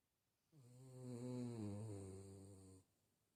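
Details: Snoring from a sleeping dog napping after Christmas: a single drawn-out, buzzing snore.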